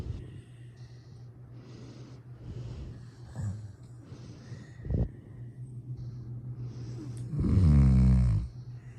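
Quiet, rumbling breathing during sleep that ends in one louder, vibrating snore.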